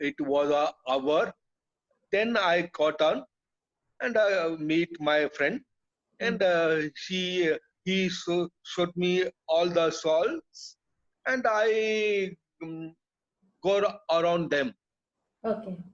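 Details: Adult man with aphasia after a haemorrhagic (burst) stroke that hit his speech centre, treated with about 10 hours of surgery; he was told he would never speak again; he relearned speech through speech therapy, and aphasia persists.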